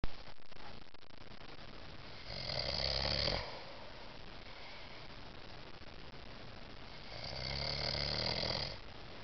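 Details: Adult husband snoring while asleep: two long, rough, rattling snores about five seconds apart with quiet breathing between, in a quiet room; ordinary snoring.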